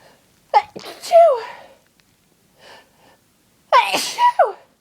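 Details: Adult with a cold having a sneezing fit: two loud, forceful, violent sneezes, each with a voiced gasp and a sharp burst.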